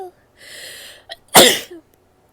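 A soft sniffing build-up, then one loud explosive sneeze.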